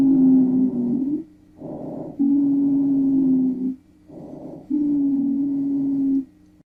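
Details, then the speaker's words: Wheezes (sibilancias): breath sounds with a sustained musical whistle through long breath phases, produced by turbulent airflow through narrowed airways, which can occur on inspiration only or throughout the breathing cycle. "éstas se producen a consecuencia del paso de un flujo turbulento de aire por unas vías respiratorias estrechas"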